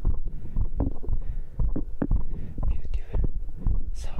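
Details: Fast, heavy heartbeat thumps under close-microphone rustle, recorded after the final workout round of dips, abdominals, diagonal pull-ups and arm curls (stated heart rate 132); elevated rate after exercise.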